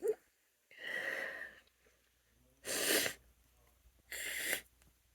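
Three forceful sneezes, each with a drawn-in breath beforehand; allergic sneezing.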